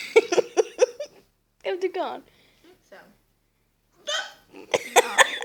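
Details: Short, abrupt gulping sounds mixed with laughter and talk, possibly hiccups, while the person is being filmed.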